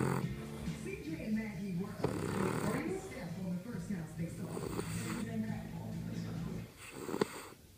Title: Snoring